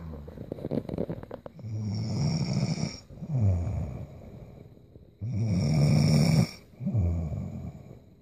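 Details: A sleeping girl: loud, low, rattling snores on each breath in, with quieter breaths out, at about 17 breaths a minute; ordinary snoring.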